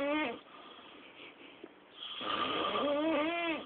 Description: This snoring problem keeps the whole house awake!